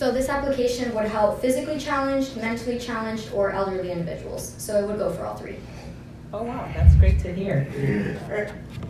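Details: Adult woman speaking, with a second speaker replying; ordinary speech.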